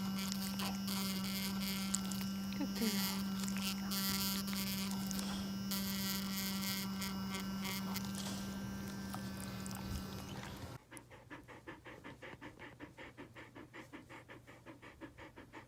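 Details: Ultrasonic plaque remover used at home on a 9-year-old female husky's teeth: steady electric buzz and hum, then rapid regular vibration pulses as plaque is removed.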